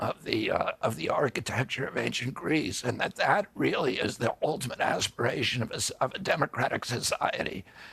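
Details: Adult man with spasmodic dysphonia: he reports a very strong voice until age 42, then a neurological disorder he calls spasmodic dystonia, caused by an injury in 1996, affecting his voice.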